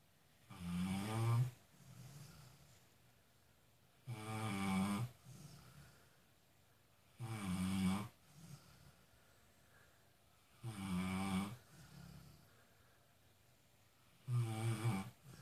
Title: Mini-Moose Snoring